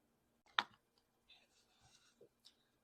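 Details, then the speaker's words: Vocal tic in a 27-year-old woman with Tourette syndrome: a sharp mouth click followed by faint clicks and breathy noises; she also has humming, breathing and motor tics. "moving my stretching my back out tensing my stomach that clicking noise hmm all kinds"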